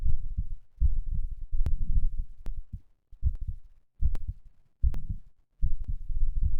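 Strong, deep heartbeats at roughly 76 a minute after exercise, with some uneven gaps and handling noise; ordinary heart sounds.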